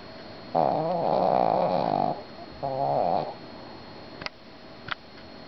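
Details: Shih Tzu dog sleeping, two loud buzzy pitched snores, the first long and wavering, then quiet; snoring.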